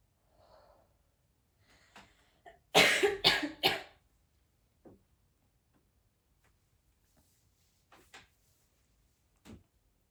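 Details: Smoker's cough in a young red-haired woman coughing while smoking a cigarette: a burst of three harsh, loose coughs with a few quieter throat clears and breaths around them.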